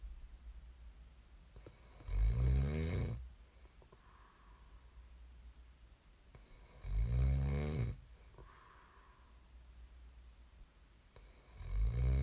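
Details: Loud, rough snores on each in-breath, about 13 a minute, with quiet breathing between; snoring.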